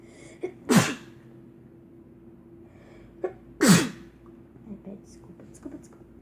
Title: Girl with a Doll sneezing